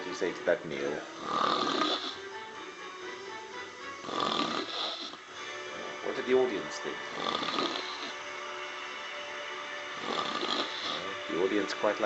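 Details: Woman asleep after several alcoholic drinks while a concert plays on TV: repeated loud, rattling snores mixed with music and joking commentary in the background; snoring.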